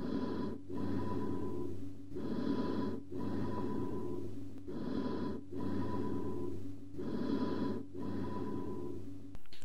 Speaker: Emphoric type of bronchial breath sounds heard over a large smooth-walled cavity or a communicating hydropneumothorax. Note the low-pitched breath sound with high-pitched echo-like overtones. Also note the gap between inspiration and expiration.